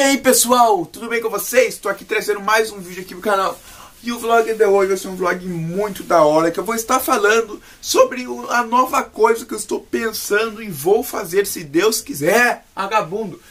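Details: Man speaking Portuguese with Tourette syndrome; vocal tics, shouted words interjected mid-sentence; Tourette syndrome vocal tics.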